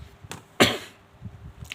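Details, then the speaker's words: A single sharp adult cough with a faint brief sound just before it, in a quiet room. "เดี๋ยวเรามารับชมกันนะครับก็อาจจะมีเสียงไอบ้างต้องขออภัยด้วยนะครับพี่ๆเช้าๆเนาะ"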